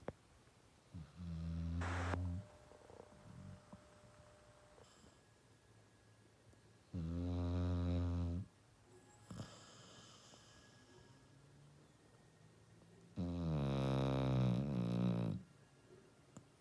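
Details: Female dog asleep: three long, low, fluttering snores about six seconds apart, roughly ten breaths a minute; ordinary snoring of a sleeping dog.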